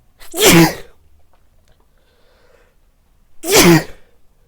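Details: A person dressed as Santa Claus, wearing a facial mask and white headphones, gives two loud, abrupt sneezes about three seconds apart, each with a brief voiced cry; sneezing.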